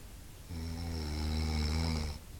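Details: A friend snoring during sleep: a single long, deep, droning snore under two seconds, low and steady in pitch; snoring.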